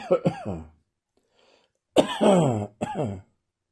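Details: Dry morning cough: several short, voiced, hacking cough bursts without rattle or gurgle.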